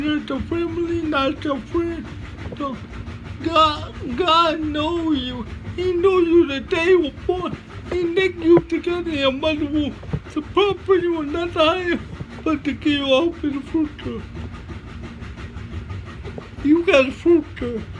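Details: Man with cerebral palsy, which he names himself, giving a motivational talk with slurred speech: dysarthria (cerebral palsy).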